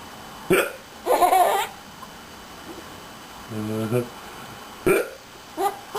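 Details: Hiccups: short, sharp voiced catches recurring among brief vocal sounds and a laugh-like burst.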